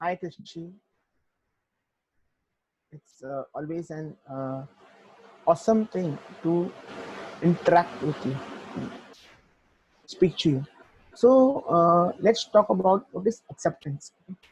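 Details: Adult man who stutters; stuttering.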